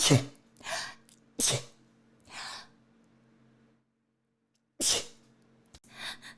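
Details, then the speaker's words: Repeated sneezing by someone who describes being allergic to life and sneezing since a nasal swab: several sharp, explosive sneeze bursts with quick breathy follow-through, separated by brief pauses. "sorry i don't know where the last one went i need to sneeze again"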